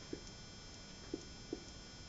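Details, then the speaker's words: Percussion over the abdomen with a pleximeter during examination; three soft hollow taps give a tympanic note, judged absolutely normal. "You see, tympanitic. Absolutely normal, man."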